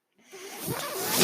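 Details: Brief rising airy hiss and whoosh of the speaker's own mechanical ventilator delivering a breath, heard while he records a podcast.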